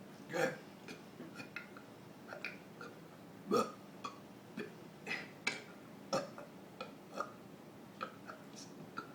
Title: Burping the ABC